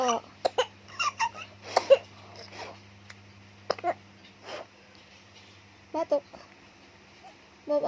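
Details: An infant gives a series of short, light coughs mixed with small vocal sounds over a steady low hum; infant cough.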